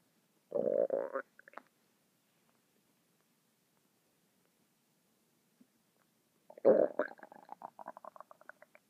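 Two bursts of gurgling and bubbling rumbles, separated by silence. Typical stomach rumbling from gas and fluid moving through the gut.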